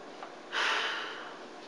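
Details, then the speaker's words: Acted respiratory-care demonstration before small volume nebulizer therapy: a short-of-breath patient takes a deep breath and gives one sudden, forceful, rushing forced exhalation into a peak flow meter; the reading is lower than expected. "what I want you to do will be to take a great big deep breath and blast it out as hard and fast as you can"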